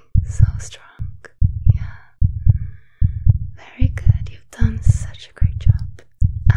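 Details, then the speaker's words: Steady, regular normal heartbeat at about 75 beats a minute with soft whispering over it, heard during a simulated ASMR heart and blood pressure exam of a star athlete; the heart is described as superb. "yes the blood pressure was and the heart was also superb"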